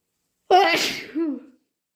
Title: Wet induced sneezes plus sniffles and blows